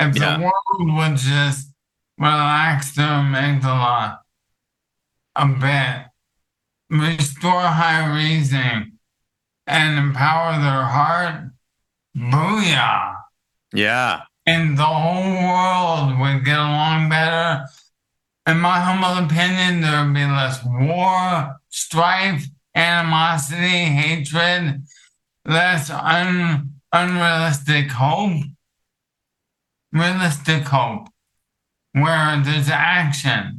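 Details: Dysarthria from ALS in an adult male counselor; ALS affects his vocal cords and makes talking for long periods difficult.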